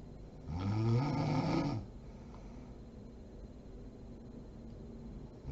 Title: SNORING MOM SLEEPING ASMR SERIES PART 39